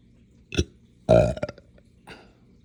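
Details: Hiccups after drinking morning coffee too fast on an empty stomach: three short throaty burps, one louder and drawn out, in a quiet room; hiccup-like belching.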